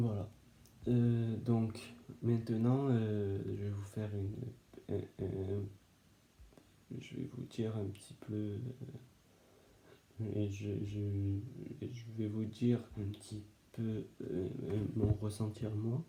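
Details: Adult male who stutters; a restart and word repetition heard; stuttering.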